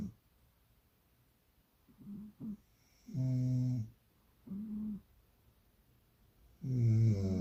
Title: Cat snores only when owner snores.